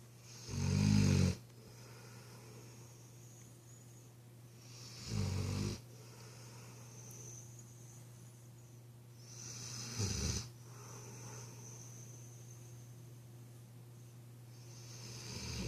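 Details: Snoring from Rosie, a mastiff, asleep at 2 a.m.: three low, rumbling snores spaced about four to five seconds apart over a steady background hum.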